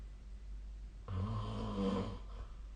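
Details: Sleep snoring recorded with the SnoreLab snore-tracking app: a single low, rattling snore on the in-breath, lasting over a second, against quiet room noise; snoring.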